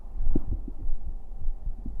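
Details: Male live-streamer's heartbeat in a bedtime ASMR stream, offered while hugging the listener to sleep; soft, low, regular thumps about 80–90 a minute with a faint low hum; normal heart sounds.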